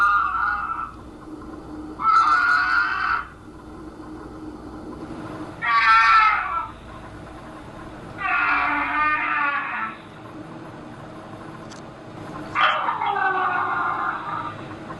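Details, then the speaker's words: A young child with fentanyl poisoning, recorded in a bedroom, makes loud, rasping, gurgling breaths about every three and a half seconds; agonal breathing (death rattle) before breathing stops. The child did not survive. "Um so we we've, you know, people coined it as a death rattle. that often happens before they stop breathing and that's a time to to intervene."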